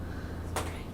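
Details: A single faint, distant sneeze from a woman in the background of a gameplay recording, bursting briefly over a steady low room hum.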